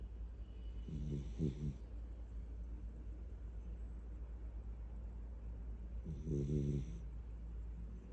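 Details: Light-sleeping child asleep in someone's arms: two soft, short, buzzing snores about five seconds apart over low room hum; snoring.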